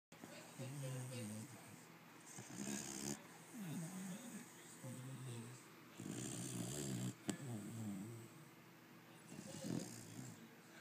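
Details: Pit bull puppy that snores loudly and all the time: dog snoring.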